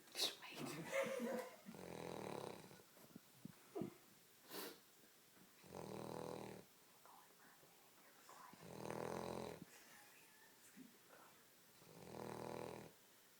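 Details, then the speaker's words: Dog lying on the couch snoring: four loud, rough snoring breaths about every three seconds, roughly 18 a minute, getting louder as he opens his eyes, with faint room noise between. "He like opens his eyes. It gets louder."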